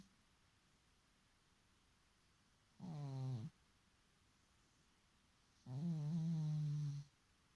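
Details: Sleeping cat: two low, rumbling snores with long quiet pauses between, in a quiet room; ordinary snoring.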